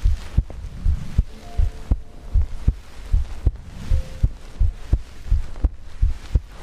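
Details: ASMR recording of a person's own heartbeat made for sleep: paired soft thumps near 78 a minute, steady and even, with quiet background hiss; normal heartbeat.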